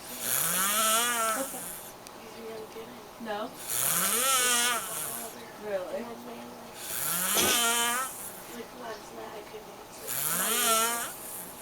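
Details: Sleeper snoring loudly: rhythmic snores on each breath in, about 19 a minute, with a harsh rattling buzz and quieter breaths out between them. Snoring.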